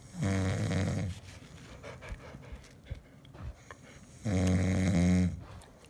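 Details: Two loud, low, rumbling inspiratory snores about four seconds apart, with quiet breathing between; snoring.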